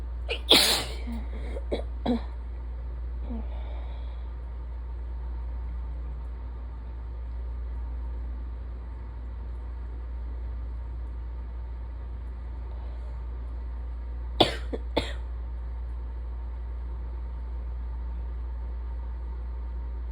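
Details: Person with days of stuffy nose, sore throat and chest symptoms varying with pollen, suspected allergies: a sneeze with small follow-up bursts, a long quiet stretch, then two more brief sneezy bursts over room hum.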